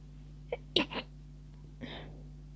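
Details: Stifled sneeze attack near the end of a cold, tickling sneezes: a quick series of small held-back sneezes with a short catch of breath, over steady background hum.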